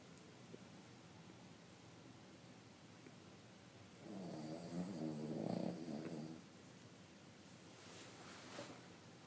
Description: Aaron the 3 year old Cavalier King snoring.